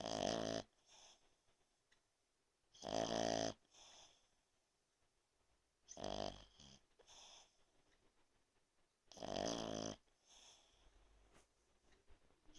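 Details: French bulldog snoring while asleep: loud, buzzing snores about 20 breaths a minute, with softer snorts between.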